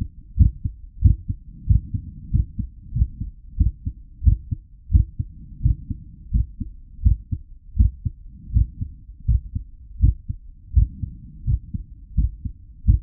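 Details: Real recorded human heartbeat pulse at a medium rate, looped sound effect: regular low thumping at about 86 beats a minute. Normal heartbeat.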